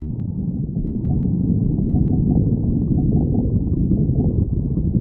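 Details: Stomach growling (borborygmi): a continuous low, gurgling rumble with watery bubbling throughout, ordinary stomach growling.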